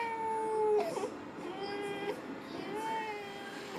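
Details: A young child cries in sustained, wavering, high-pitched wails with brief catches during Cough Assist machine therapy by face mask, given after a 15-minute nebulizer treatment and chest physiotherapy.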